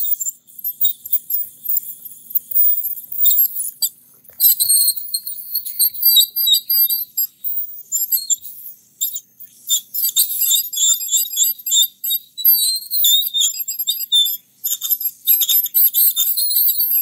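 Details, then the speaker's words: Role-play orthodontic teeth cleaning of a patient with braces and bleeding gums, with water spray and suction. High-pitched, shrill buzzing and squealing in short irregular bursts; ultrasonic dental scaler. "So you're gonna have a lot of water. And we're gonna suction it away as we go. You'll also feel some vibration."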